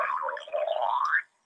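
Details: Person's self-recorded phone clip of a recurring abdominal noise they say differed from usual digestive noises: a single gurgling, rising rumble of about one second; borborygmus.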